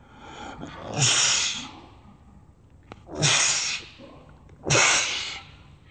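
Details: Sneezing attack: three forceful, noisy sneezes about two seconds apart, each with a short breathy build-up; a run of repeated sneezing.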